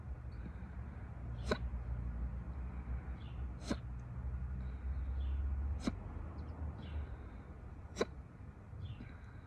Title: Audio only hiccups